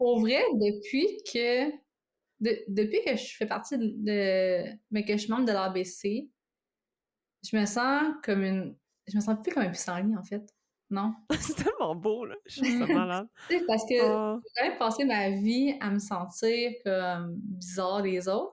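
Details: Adult woman who lives with both stuttering and cluttering: stuttering with cluttering.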